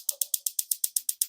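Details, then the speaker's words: Focused shockwave therapy device applied with ultrasound gel to the foot, slightly painful over bone; rapid, regular sharp ticking, about eight pulses per second, as shockwaves are delivered. "um and you'll hear the tick tick tick and those are the shock wav"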